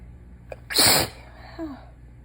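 A quick inward catch of breath, then one loud, explosive, hissing sneeze. A single sneeze.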